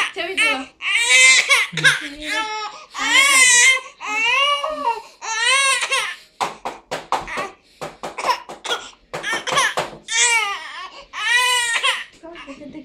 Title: Crying Baby - Vlog 005